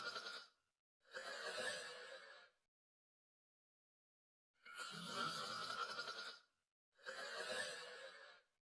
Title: Cute Snoring Pt. 6